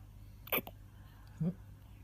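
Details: Baby hiccuping: two short, sharp hiccup catches about a second apart over a low room hum.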